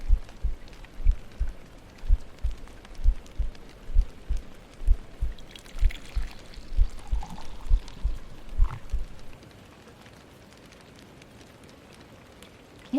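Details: Heartbeat played as an ASMR trigger during a soft-rain ASMR livestream with water and paper triggers: soft, regular, low paired thumps at about 64 a minute over faint rain-like noise, fading out near the end.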